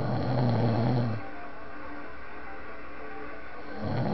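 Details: Heavy, rumbling snore on each in-breath, with a quieter pause before the next one; an epic episode of loud snoring.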